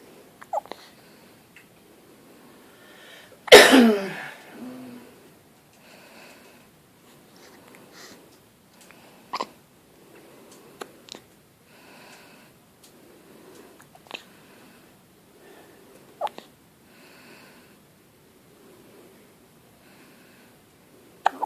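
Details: Infant boy with hiccups: soft sharp hiccup clicks recurring every few seconds, with one louder sneeze-like burst early on.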